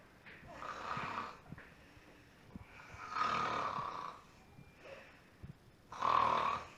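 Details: Person snoring loudly in sleep and disturbing someone else: three loud, rasping snores with quieter breaths between them.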